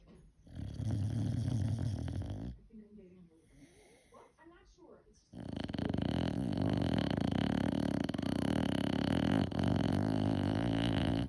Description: Mavis the Dandie Dinmont Terrier snoring!